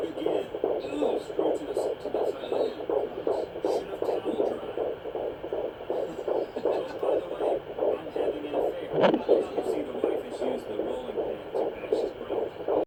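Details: Fetal Doppler: rapid, regular, galloping whooshing fetal heartbeat at about 150–160 a minute, with whooshing placental blood flow and a brief thump of the baby kicking and flipping.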